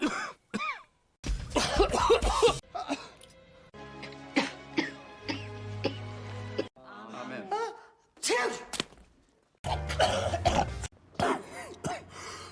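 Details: Acted (simulated) coughs and sneezes from a supercut of film scenes, with music and dialogue between them.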